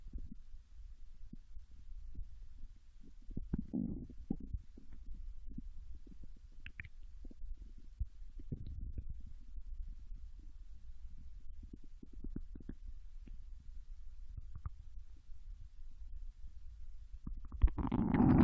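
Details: Japanese girl's abdomen digesting ramen and potato chips: soft low gurgles and rumbles scattered through quiet, normal bowel sounds.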